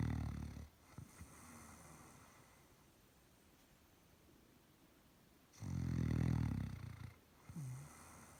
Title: Relaxing snoring Doberman dog